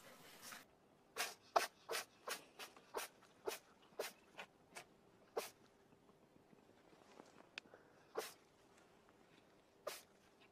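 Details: Dog giving a rapid run of about a dozen short, sharp nasal bursts; repeated animal sneezing.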